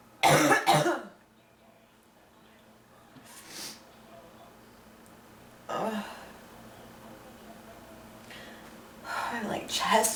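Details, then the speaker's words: Harsh, loose, chesty coughs in short bursts with quiet breathing between, from an adult with officially diagnosed bronchitis, day two of illness and getting sicker. "it was kind of weird it would probably have coughing so much I got up against the tissues but I need one"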